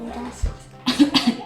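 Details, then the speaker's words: A child's imitated voluntary cough: a quick run of three or four short, dry, forced coughs after a faint background hum, during a body-sounds vocabulary lesson. "¿tú sabes cómo se llama este sonido? Toser. Toser. ¿Cómo toses tú?"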